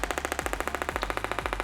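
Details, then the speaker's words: Pneumatic radial shockwave device firing on a patient's lateral hip (glute med/TFL muscle belly, kept to pain 5–6/10): rapid, sharp, regular popping bursts about 16 per second, like fast gunfire, from a metal bullet driven pneumatically. "Okay, so inside of this there's a little metal bullet that this pneumatic machine helps to move rapidly, and at different frequencies and at different energies."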